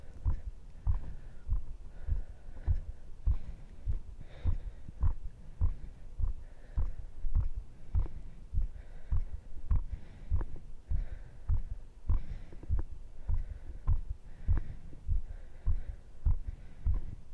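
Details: Own heartbeat recorded with a microphone after a muscle-training circuit (dips, abs, cross pulls, arm curls); rate stated as 98–104. Strong, regular low thumps around 100 a minute: normal heart sounds with an elevated rate after exercise.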